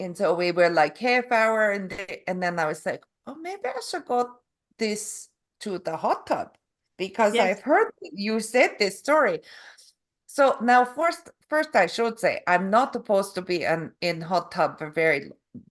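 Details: Canadian adult woman from Calgary; stroke November 2023 causing aphasia with word-finding difficulty and apraxia of speech; foreign accent syndrome began after a further hospital episode in February, self-described as Eastern European; foreign accent syndrome with aphasia and apraxia of speech.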